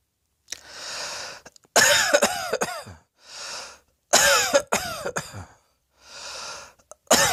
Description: Lounging on the bed - still coughing with my big belly heaving!